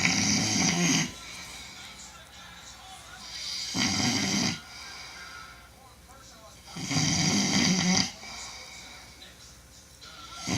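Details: Very loud snoring: harsh rattling snores about every three seconds, roughly 17 a minute, with quieter breathing between; heavy snoring.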